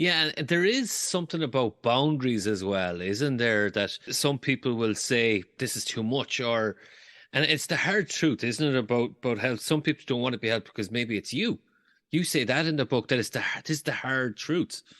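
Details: Adult speaker; Normal speech.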